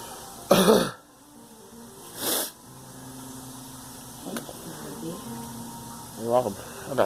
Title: Girl coughing